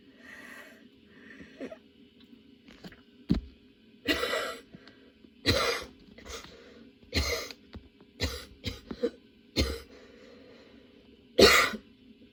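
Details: Sudden, unexpectedly prolonged coughing fit, worsening rather than easing, with tears and changing positions for comfort; about ten harsh coughs over twelve seconds with strained breaths between.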